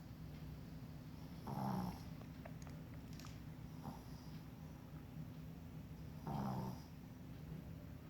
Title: Panda snoring at Acupuncture